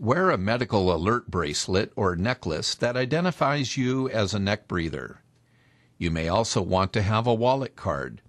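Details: Adult male narrator; normal speech.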